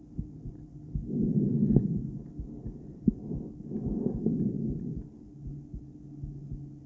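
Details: Female heart via stethoscope during breathplay, recorded with ultrasound view: soft, irregularly spaced heartbeats under loud breathing, intermittent bigeminal rhythm with a long pause after one beat; stethoscope spot suboptimal.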